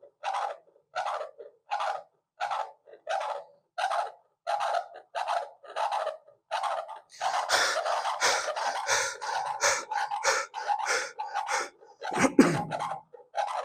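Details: Rhythmic whooshing pulses from a handheld fetal Doppler connected to a phone app, used on an adult's own heartbeat at about 88 a minute, not a baby's.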